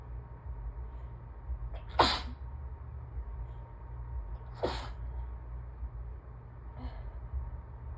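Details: Allergic sneezing fit with hitching, peppermint held in the mouth: two sharp sneezes, each after a quick catch of breath, then a faint stifled third, over a low room hum.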